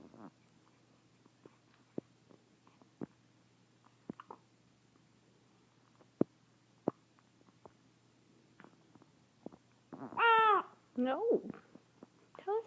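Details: 3-day-old newborn with hiccups: short, sharp clicks repeating irregularly at roughly one per second in a quiet room, followed by fussing cries; possibly hungry.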